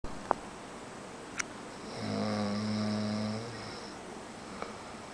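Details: Roommate's boyfriend snoring, one loud, rough, rattling breath lasting about two seconds over steady room noise: a single snore.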